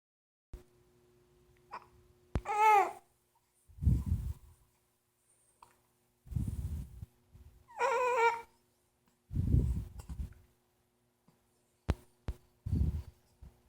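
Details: Hiccups in a 9-week-old infant: sharp, irregular catches and short low bursts of breath, with a couple of fussy vocal sounds.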